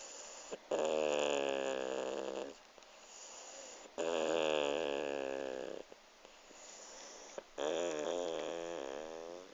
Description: George the pug snoring his little heart out while sleeping on my lap.